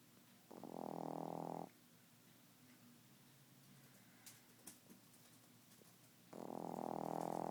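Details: 3-month-old pet snoring like a grown man while asleep: two loud, rough, rattling snores about six seconds apart, separated by quiet breathing.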